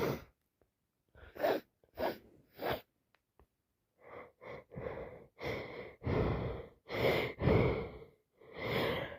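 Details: Person with a bad head cold: several short, wet, breathy sneeze bursts, then a run of noisy congested breaths and sniffs, with nose blowing.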